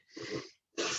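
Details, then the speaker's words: Dog snoring audibly in the background of an online panel talk. "es el perro que ronca también ahí se escucha el ronquido del para ellos"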